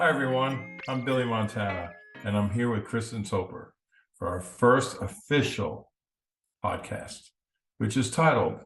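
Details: Adult male speaker; normal speech.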